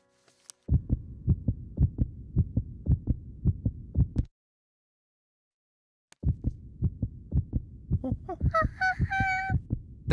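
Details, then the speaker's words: Cartoon sound effect, not real: a doctor's heartbeat heard through a stethoscope, regular low thumping about 55 a minute, with a brief musical tone near the end. "That's the sound of my heart. You can play with your heart while we go to the X-ray room."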